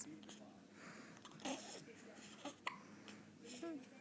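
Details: Awake infant, just up from a nap on a parent's chest, making soft sounds with a few brief, sudden catches in a quiet room; hiccups.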